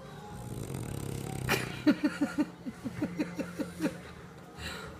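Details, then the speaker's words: French bulldog asleep: quick series of short snorting, fluttering breath noises; snoring. "Hey, you are snoring."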